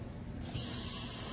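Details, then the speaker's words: Low hum, then a steady high hiss from a Cavitron ultrasonic dental scaler running at about a quarter to half turn of power for prophylaxis, with the water set to a steady drip and a small halo of mist; ultrasonic scaler running. "you might feel the tip heating up and if so turn the water up a tiny bit and you'll get a faster drip or spray i guess so that's how to keep the tip cool"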